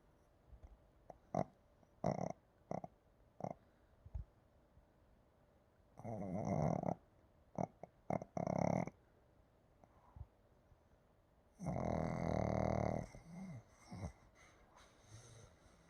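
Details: A sleeping dog snoring: snorting, rattling breaths in irregular bursts with short snuffles between, over quiet room noise.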